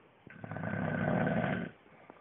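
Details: An adult man filmed by his wife while asleep in bed at bedtime: one long, loud, rattling snore on an in-breath with a fluttering low rumble; snoring.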